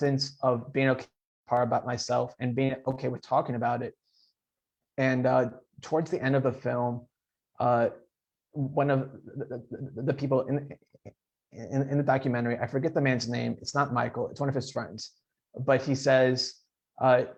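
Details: Adult man who stutters, speaking in a podcast interview, with audible repetitions; stuttering.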